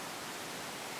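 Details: Stridor in a tired child with respiratory distress on oxygen, with sternal recession and slight tracheal tug: after a quiet start, a single harsh, slightly musical, high-pitched noisy breath begins halfway through.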